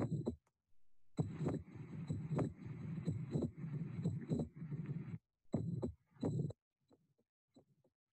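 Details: Mitral valve prolapse heard standing versus squatting: a systolic click and murmur. On squatting, venous return and left ventricular size increase, so the click and murmur move later in systole, away from S1.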